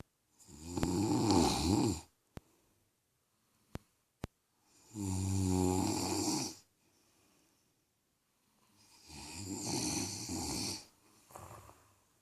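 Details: Two people snoring at night around 3:15 am, a bigger, deeper snorer first, then a second: loud, rough snores on each in-breath with quiet pauses between.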